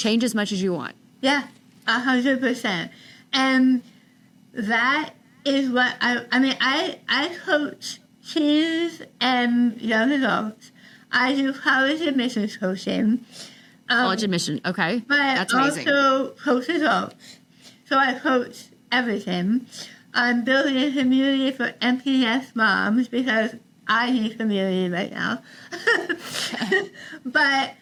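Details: Adult woman about 3 years after treatment for stage 4 tongue cancer: over half of tongue removed and rebuilt with forearm skin graft, neck dissection, 6 weeks radiation and chemotherapy; some listeners cannot understand her; altered articulation after partial glossectomy.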